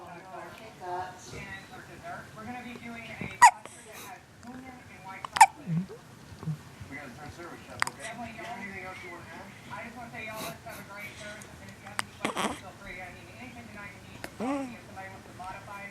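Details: One-week-old baby with hiccups: sharp, sudden hiccup sounds recurring irregularly, several in fifteen seconds, with soft adult talk nearby.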